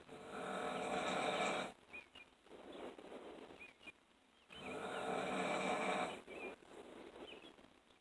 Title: Snoring like a fat ass